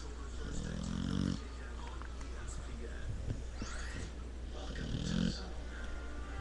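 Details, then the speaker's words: Sleeping pit bull, two deep rumbling snores against a steady low hum in the room, webcam recording; snoring. "snores louder than a grown man."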